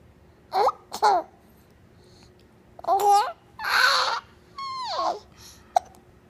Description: Cute baby girl giggling with hiccups